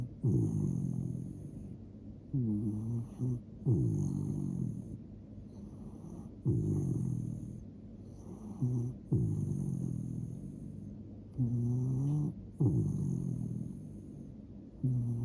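A sleeping dog snoring loudly, with rumbling, fluttering breaths about every second or two. Ordinary, harmless dog snoring.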